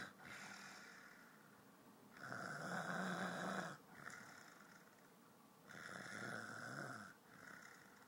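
Rough, rattling snores on breathing in, alternating with softer breaths out, roughly 15 breaths a minute: snoring during sleep.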